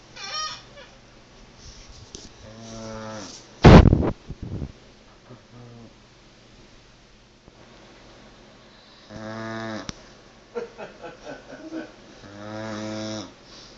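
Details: Pit bull sleeping: loud, drawn-out groaning snores with a sharp snort in between; heavy snoring.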